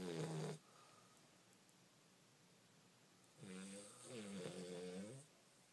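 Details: 11-week-old Cane Corso puppy snoring loudly while asleep: a short snore, then a longer, louder buzzing snore on the next breath.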